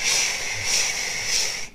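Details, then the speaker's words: Imitation of a dog's continuous heart murmur from patent ductus arteriosus: a steady, unbroken hissing whoosh with gentle surges, likened to a washing machine sound, with no gap between heart sounds. "a continuous some noise going. Some people may say washing machine sound"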